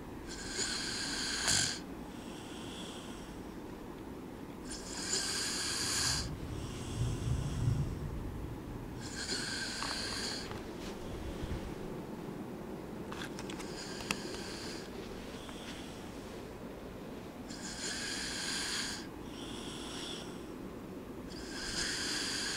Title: my friend snoring